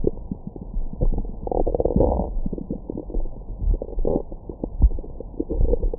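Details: Abdomen recorded with a stethoscope microphone after a large meal: continuous low gurgling and rumbling with brief louder growls; normal bowel sounds.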